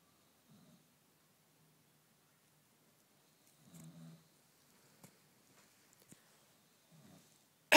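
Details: An adult man (a father) snoring while a baby sleeps.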